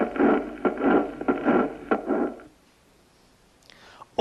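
Regular heart cycles, about 95 a minute, with a rushing murmur filling each cycle and building toward the next beat: a crescendo murmur of mitral valve prolapse.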